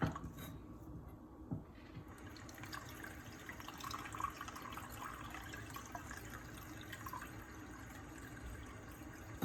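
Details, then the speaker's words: Nursing student's enema checkoff: 750–1,000 mL of warm water is poured into the enema bag, heard as steady splashing and trickling into the container before Castile soap is added. "And we're going to put warm water in, 750 to 1,000 milliliters."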